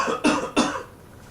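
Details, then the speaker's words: Two short, sharp voluntary coughs in a quiet room, demonstrated by a chiropractor leaning forward on his arms so they take the load, to avoid low back injury. "so here's the safe way to sneeze or to cough a so now when I go forward like that my arms take that load that doesn't go onto my back"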